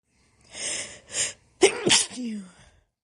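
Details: A female stifling wet sneezes: two hissing stifled bursts, then a fuller explosive sneeze with a short voiced tail, followed by panting and snorts; stifled sneezes then a sneeze.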